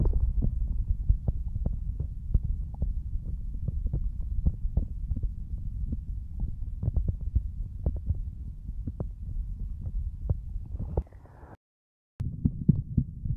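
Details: Streamer's own heartbeat picked up by a microphone during a relaxing ASMR session, said to be beating hard with paired strong beats: steady low thumps about 90 a minute, brief dropout near the end; normal heartbeat.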